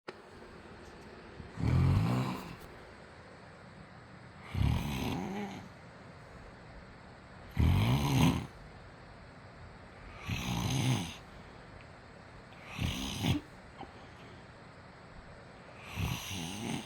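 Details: Loud, low, rattling snores on each breath in, about 20 a minute, from a sleeping husband; snoring.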